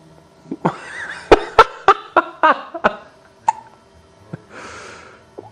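A rapid series of sharp, clicking hics, about eight in quick succession, with breaths between; repeated hiccups.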